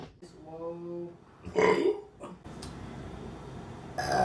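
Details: Woman burping during a mukbang eating video: a loud, rumbling burp amid soft voice and room noise.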